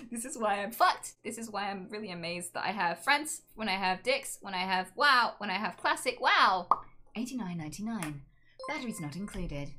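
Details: Adult woman with Tourette syndrome whose real vocal tics, including swearing, occur spontaneously while she speaks: vocal tics (Tourette syndrome).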